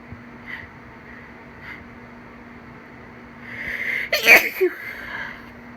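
A brief intake of breath followed by one sharp, explosive sneeze, with a faint steady hum in the room.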